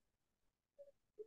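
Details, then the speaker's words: Two brief, faint wailing cries from a baby girl in another room, heard over quiet room noise; infant crying. "sorry if you can hear my baby crying in there but she Jen's good she'll be good in a moment"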